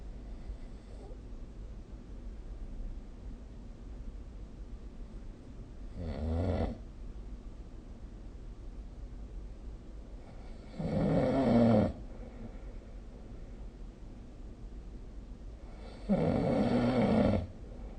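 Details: Sleep snoring recorded with the SnoreLab app: three rough snores over about 18 seconds, each a second or so long, separated by quiet breathing, with steady room noise; ordinary snoring.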